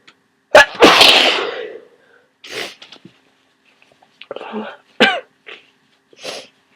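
One loud, explosive sneeze followed by a few quieter breaths and small sounds; a forceful sneeze during a cold.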